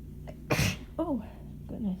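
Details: Intense, itchy, painful sneezing fit, with some sneezes coming from the chest and possible faint wheezing on the exhales: one forceful, harsh sneeze with a voiced cry, then strained voiced exhalations. The fit progresses from big to tired sneezes.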